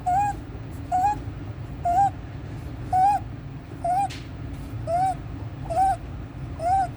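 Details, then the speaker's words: 14-day-old full-term neonate after resolved meconium aspiration, with severe suprasternal and intercostal retractions increasing with crying and feeding; repeated high-pitched squeaky crowing on each inspiration: inspiratory stridor. "Just baby having inspiratory stridor, suprasternal retraction, intercostal retractions, increase with crying and feeding."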